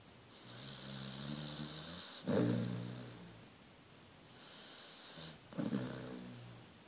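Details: Bonnie snoring: two loud snoring breaths about three seconds apart, each a long rattling inhale with a snorting onset, then a softer outward breath.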